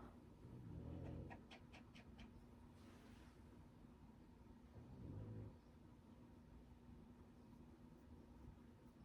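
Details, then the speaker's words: Snoring and snorting from Violet while she sleeps, heard in the background. "If you can hear snorting, it's Violet. She's sleeping. Sleeping and snoring."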